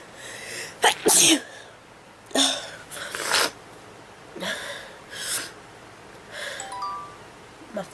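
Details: Sneezing fit: several sneezes in quick succession, some with a sharp intake before, over quiet background noise and a faint chime.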